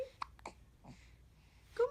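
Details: 2-month-old infant girl, after trying to talk to her mother, has hiccups: short, sharp catching sounds in quick succession, then a small vocal sound.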